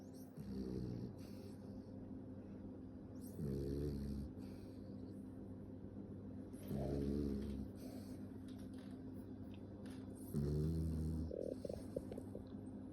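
Four soft, low, fluttering snores at regular intervals, about 18 per minute, over faint room noise. Ordinary snoring.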